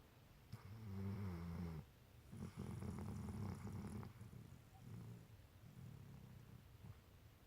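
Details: Low, soft, rattling snores from a small sleeping animal, mixed with faint purr-like vibration; snoring.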